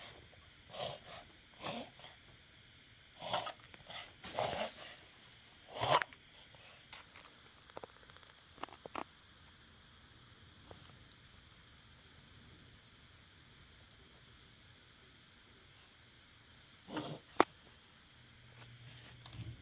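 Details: A dog recovering from an operation, wearing a post-surgical t-shirt, gives a series of short, harsh, breathy coughing bursts, then a pause and a final cough; the owner calls it his longest coughing fit ever.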